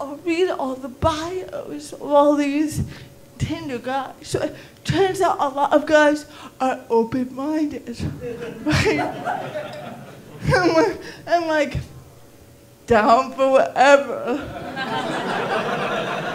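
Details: Female stand-up comedian with cerebral palsy, performing live; dysarthria in cerebral palsy.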